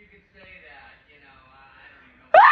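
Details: Person described as drunk sneezing: a soft, drawn-out moaning in-breath builds up, then ends in one sudden loud burst, a single sneeze after a wind-up.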